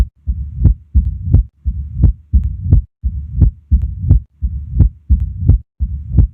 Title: MITRAL STENOSIS - APEX | HEART SOUNDS | AUSCULTATION | MURMUR